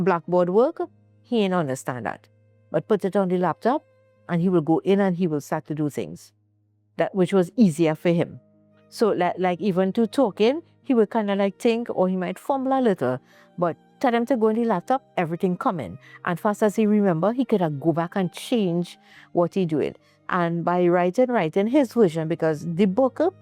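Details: Adult woman speaking; ordinary speech.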